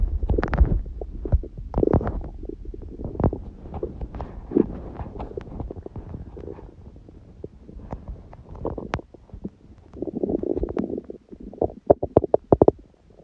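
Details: Hunger bowel sounds (borborygmi): low gurgling and rumbling abdominal noises with a few sharp bursts near the end; recording also includes sneezing; normal finding.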